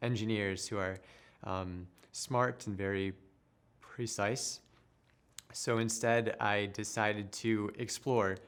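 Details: Adult who stutters and works as a speech therapist; stuttering.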